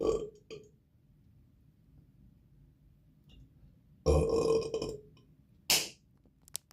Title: Lots of long burps